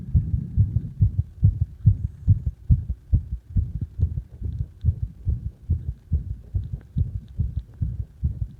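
Fast, regular low thumps at about 140 a minute, heavy and booming, rhythmic pulses heard during chest compressions.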